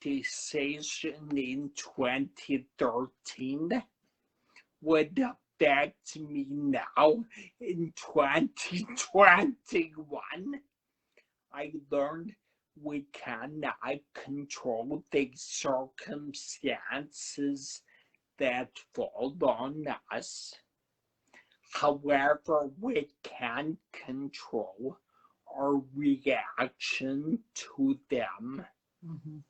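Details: Man who had a cerebellar stroke at age 35 in September 2013, initially unable to talk, with a paralyzed vocal cord and aphasia mentioned; dysarthria with dysphonia after stroke.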